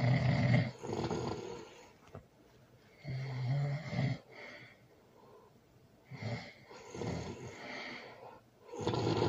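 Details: Loud snoring during sleep, recorded with a baby present: irregular loud, rough snores with snorting breaths in a quiet room.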